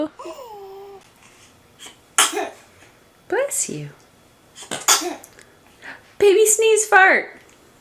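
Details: Several short, high, sharp newborn sneezes mixed with small cries and fussing. Frequent newborn sneezing is a normal way of clearing the nasal passages, not a sign of cold or illness.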